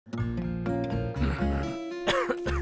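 An acted adult cough, a few harsh bursts over steady background music, portraying repeated hard-to-control coughing.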